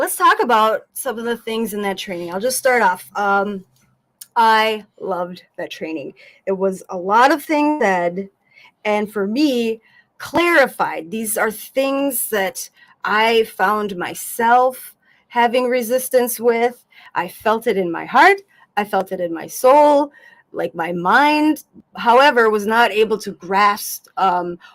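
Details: Adult woman speaking; Normal voice.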